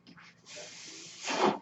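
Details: A ventilator-dependent man speaking on a podcast; his mechanical ventilator is heard as a soft, steady airy hiss, then a louder gusty rush as it delivers a breath.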